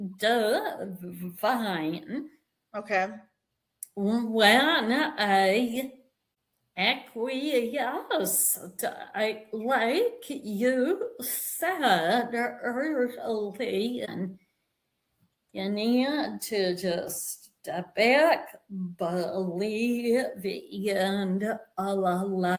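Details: Adult woman with a vocal tremor attributed to over 50 years of narcissistic abuse and trauma beginning at age five, manifesting after decades of abusive relationships; vocal tremor.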